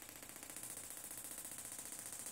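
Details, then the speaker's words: Rapid, steady train of sharp clicking pulses from a Gymna Shockmaster 300 shockwave handpiece (2 bar, 15 Hz, 20 mm head, ultrasound gel), moving over the whole plantar fascia to treat plantar fasciitis pain along the medial arch, up to 2000 shocks. "keep going here until we hit the 2000 shocks and that's treatment of the planter fascia with the head moving"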